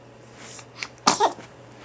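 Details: Young child sneezing: a brief indrawn breath, then one sudden explosive sneeze in a quiet room.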